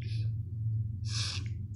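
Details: A cartoon character (Bill Badger) in a sneeze scene: two breathy, gasping intakes of air, with a low steady hum behind.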